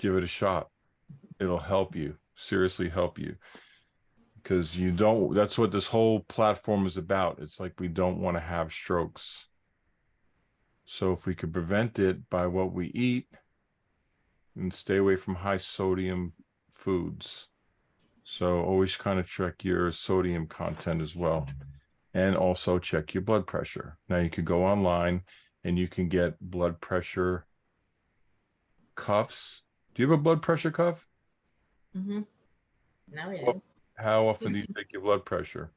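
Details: Adult male speaker, with a brief second voice; normal speech.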